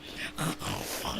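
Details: Loud, thundering snoring of a 19-year-old male, rated 10 out of 10 by his mother and heard from outside the room; loud snoring as a possible sign of obstructive sleep apnea.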